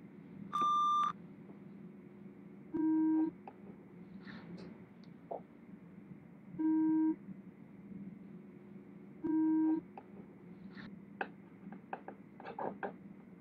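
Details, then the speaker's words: Simulated audiologist roleplay hearing test, where the listener raises the hand on the side they hear: four short, steady beeps at two pitches, a few seconds apart, with soft handling sounds; pure-tone audiometry test tones. "the volume will change with each sound but nothing too loud so you don't have to worry about it"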